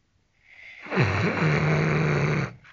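A single long, deep, rasping snore lasting about a second and a half.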